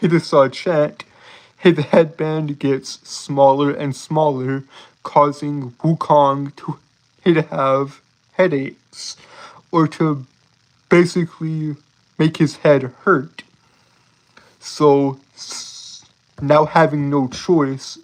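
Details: Adult man with a self-reported speech impediment that he says makes him stutter and trip over his words; stuttering.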